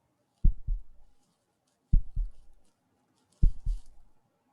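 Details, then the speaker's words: Recorded heartbeat of a male ("person A") played to an audience in research on heartbeat perception: three slow, distinct lub-dub beats, about 40 a minute, in a quiet recording. "so what can you infer about his personality or emotion state from listening to this heartbeat and i'm gonna play it again"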